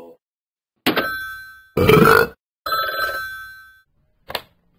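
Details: Three long, loud, voiced belches in a row, then a short fourth, in a deliberate burping contest; voluntary burping.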